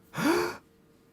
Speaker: when you breathe in you inhale you are inhaling the action is called inhalation when you breathe out you exhale you are exhaling this action is called exhalation you can take a deep breath